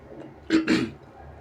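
A short two-part burst of air through the nose and mouth against quiet room noise: a sneeze.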